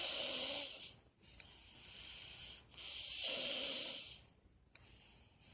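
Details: Snoring recorded April 24, 2018: long, harsh, hissing breath sounds in slow cycles with brief pauses between them.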